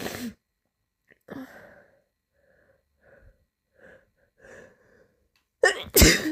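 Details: Quiet catching breaths building up, then two sharp, explosive sneezes at the end; sneezing.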